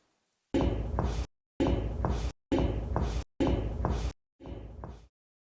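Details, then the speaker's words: Five short, low, thudding percussion taps with little ring along the parasternal line, moving from clear to dull; dull percussion note marking the lower lung border, in a clinical skills demonstration. "So first of all, I will perform the percussion on the para-sternal line from clear to the dull sound like this. And here is the dull sound."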